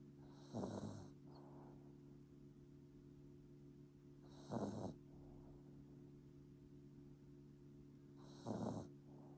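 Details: Three short snorting snores, roughly 15 breaths a minute, over a steady background hum from a sleeping Bichon Frise puppy; snoring.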